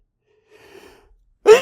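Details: Announced, talked-through sneezes, some big, with failed holdbacks; soft indrawn breath building up, then one sudden explosive sneeze burst.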